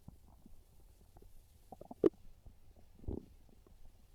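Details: Hungry stomach growling: low gurgling rumbles and bubbly squeaks from the belly with one louder growl; ordinary hunger borborygmi.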